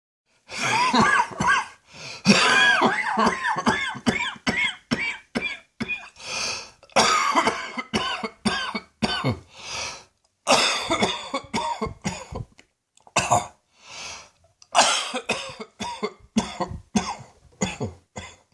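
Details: Adult with long-standing lung trouble coughing in the evening: repeated harsh coughing bursts in clusters, with straining, retching gagging sounds between them.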